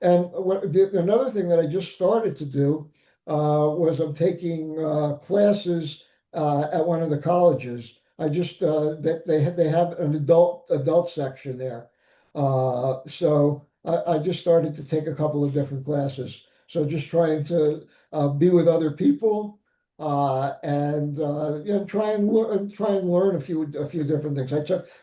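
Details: Adult man with aphasia after an ischemic stroke complicated by ARDS, initially unable to speak sensibly, read or recognise letters; nearly nine years on, still in weekly speech therapy; aphasia after stroke.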